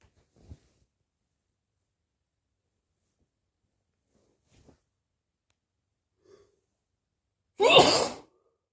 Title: Late August sneezes 🤧 allergies or cold?